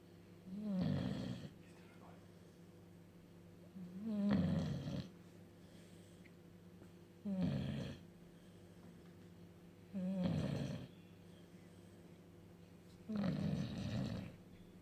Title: Funny bulldog snoring